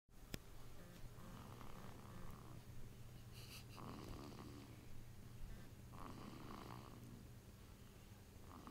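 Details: Sleeping baby snoring heavily: soft, rhythmic snoring breaths with noisy nasal breathing over a steady low room hum; infant snoring.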